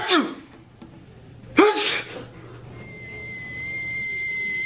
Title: Sneezing PSA